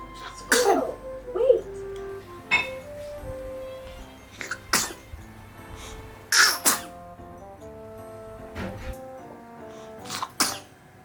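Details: 1-month-old baby boy: several small, soft repeated sneezes heard over background music; infant sneezing.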